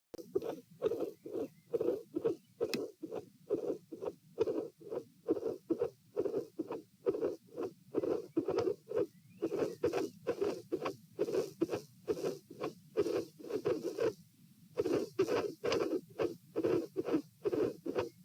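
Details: Heart sounds at the pulmonary area, patient sitting, dilated aortic root: irregular rhythm about 65–70 per minute, early beats and a pause; premature atrial and ventricular contractions.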